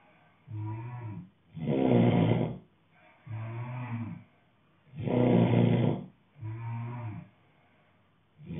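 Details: A man snoring steadily at about 17 breaths a minute; each breath has a softer snore followed by a louder, coarser, rattling snore.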